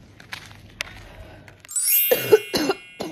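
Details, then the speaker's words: Person who is sick with a really bad cough, on the way to get medication: a short run of about four harsh coughs after a quiet stretch with faint room sounds. "so yes i'm not really feeling well today like at all i have a really bad cough and also i'm sick now to like get medication"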